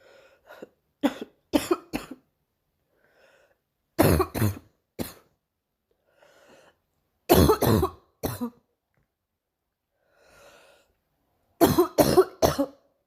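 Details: Girl coughing: four clusters of two to four dry, sharp coughs with quiet gaps between bouts; repeated bouts of coughing.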